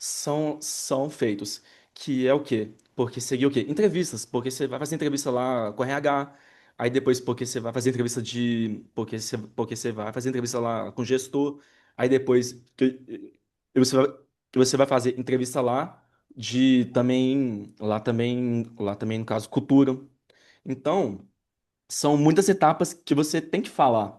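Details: Adult man who stutters, speaking with audible repetitions; stuttering.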